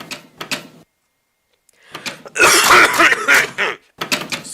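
A harsh burst of coughing by an adult between short clattery noises and a brief silence.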